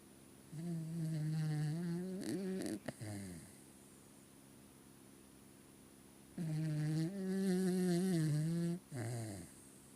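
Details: Dog snoring: two long, loud, rattling snores, each with a pitched buzzy inhale and a snorting finish, separated by quiet pauses.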